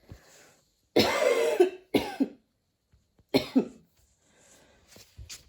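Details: Person coughing after a run at the start of allergy season, with dizziness and near-fainting: three harsh coughing bouts with whistling, wheezy tails and quiet breathing between; very wheezy cough.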